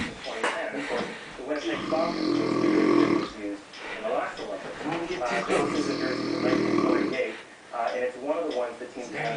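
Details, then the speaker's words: Elderly man (grandpa) snoring while asleep: loud, rough, rattling snores in long drawn-out breaths with quieter gaps between them; heavy snoring. "okay if you follow me over here we got this big specimen we don't know what the hell he is doing it's the most obnoxious noise i have ever heard in my entire life"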